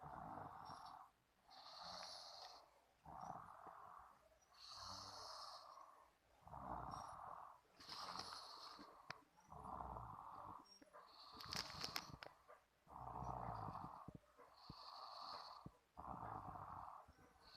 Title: 3 years old baby boy snoring! 😆